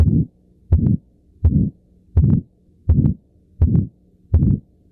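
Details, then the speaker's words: Aortic stenosis murmur from a narrow aortic valve: regular heartbeat near 83 per minute with a harsh rising-falling murmur after each first heart sound. "aortic stenosis murmur which is due to a narrow aortic valve between the left heart and the big artery called the"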